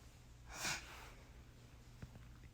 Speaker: Excuse my sniffling, a little congested.